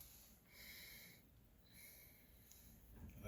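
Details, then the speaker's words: Normal breath sounds heard with a stethoscope during deep breathing: soft, even airflow cycles with no wheeze or crackles. "so basically we did listen to the long sounds you know in the back and we did you know the diaphragm and also the the bell of the stethoscope and anteriorly we did the same thing"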